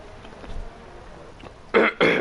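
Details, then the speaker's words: Ill person with a bad cough and a voice that has turned deeper: coughing. "And for this week, as you can probably already tell, I am pretty ill. Got quite a bad cough. My voice has changed."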